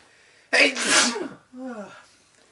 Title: Boyfriend sneezing into handkerchief, wearing my dress shirt